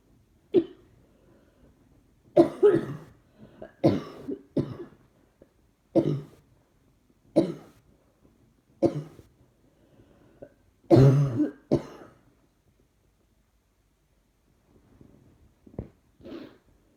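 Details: About a dozen dry, harsh coughs, some in quick pairs, with throat clearing between, in a quiet room; repeated coughing the person is trying to suppress.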